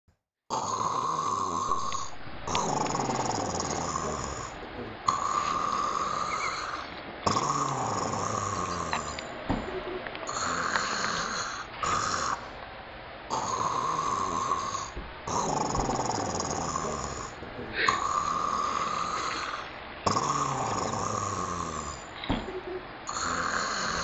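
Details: Snoring: steady, rhythmic, about ten rattling snore sounds in quick succession separated by short pauses.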